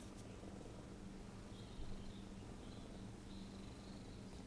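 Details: Continuous low, rough, purr-like rumbling noisy breathing in a female cat, worse after bending her head down while petted or grooming her chest; not hairball related, unclear if continuous.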